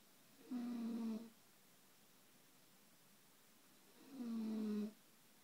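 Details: Adult woman (wife) snoring, snorting like a hog: two steady, humming snores a few seconds apart with near-silence between, during sleep.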